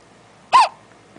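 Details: Hiccup in a one-month-old baby girl: a single short, squeaky hiccup in a quiet room.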